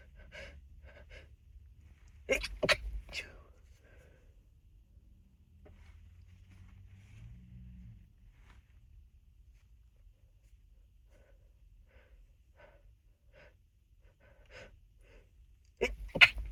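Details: Short, muffled bursts of breath through a closed mouth and nose, with long quiet pauses between them, amid nose blowing, in a full, unedited session; stifled sneezes.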